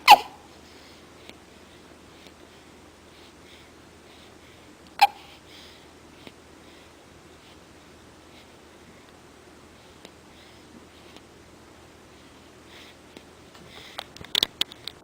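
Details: Hiccups: two sharp, brief hiccups about five seconds apart against quiet room noise, with faint clicks and rustles near the end.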